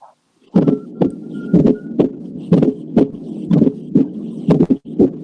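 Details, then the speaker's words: Steady heartbeat near 60 a minute, some beats opening with two close sounds: a fourth heart sound (S4) just before S1, heard as two sounds close together and one separate. "y el r4 se escuchan dos pegaditas y una separada esto dos piedras de una separada para que no se les olvide"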